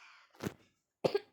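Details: Cough: two short, dry cough bursts about half a second apart from a child who says she has a cough while narrating a Brookhaven game.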